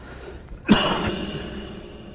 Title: Coughs | Crowd Bursts Into Laughter | Learn How To Defend Yourself